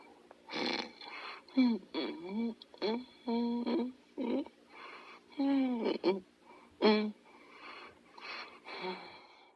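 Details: Sleeping dog: short bursts of squeaky, whistling, whiny noises, closer to sleep whimpers than steady snores; noisy breathing during sleep, described as snoring.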